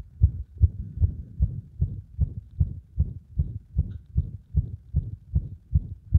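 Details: Heart sounds with frequent arrhythmia attributed to cardiac compression; fast heartbeat about 150 a minute, uneven spacing and varying beat strength; irregular rhythm with frequent extra beats.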